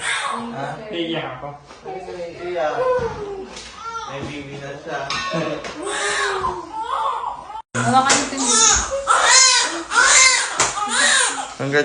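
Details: Loud, repeated wailing cries of a newborn just after birth, with adult voices in the room; normal newborn cry.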